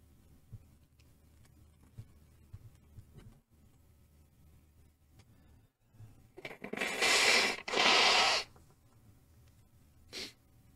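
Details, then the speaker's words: A quick in-breath, then a loud, hissy two-part sneeze with a small puff after, in a quiet room; sneezing. "be to Allah, I have sneezed."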